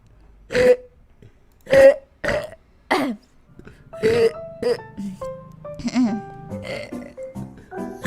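Several short, throaty voiced bursts of burping, followed by talk with background music.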